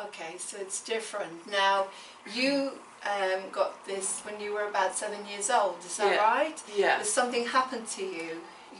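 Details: Adult woman speaking; typical speech.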